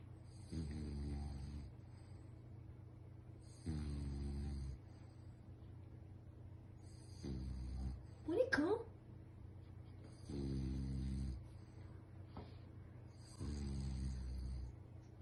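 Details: Sleeping bulldog snoring: low buzzing snores about every three seconds with one brief whine partway through; snoring.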